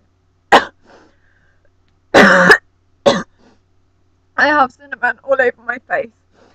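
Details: Woman doing the cinnamon challenge: harsh single coughs and a strained, voiced throat-clearing, then gasping and groaning after inhaling cinnamon powder; irritant coughing.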